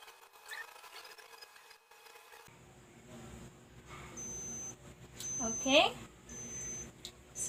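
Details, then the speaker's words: Simulated nursing student vital-signs demonstration: a digital thermometer placed orally in the posterior sublingual pocket gives several short high-pitched beeps signalling a finished reading (36.4 °C, normal), with a brief squeaky sound over room noise. "you're gonna close it and now we're just going to wait for a minute or up until the thermometer beep which indicates that it has already obtained at the temperature"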